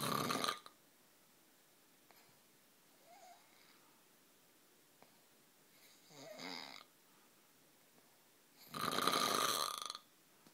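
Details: Man snoring during sleep: three loud, noisy breath bursts separated by quiet pauses, the last the longest and harshest.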